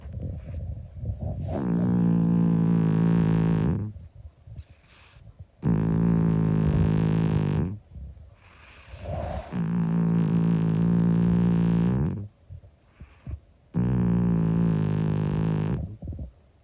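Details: Loud, deep, buzzing snores in long drawn-out cycles with quiet gaps from a sleeping 25-year-old calico cat, heavy vibrating snoring.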